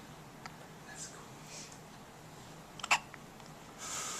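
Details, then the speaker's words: Newborn twins both hiccuping at once: soft, quiet room with a few brief sharp catches in the breath, partly masked by low noise; hiccups. "And they both have the hiccups. In a competition with each other."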